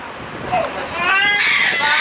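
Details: Infant crying: a brief rising wail that builds into a sustained cry with a fussy onset.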